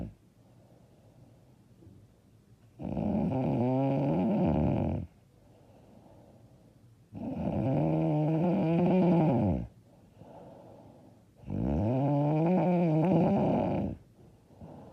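Loud, rough, drawn-out snores on each breath in, roughly every four seconds, with quiet breaths out between; heavy snoring.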